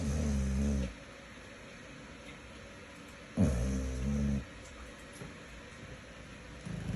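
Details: Low rumbling snores about every three seconds with quiet gaps and steady background hum; snoring during sleep.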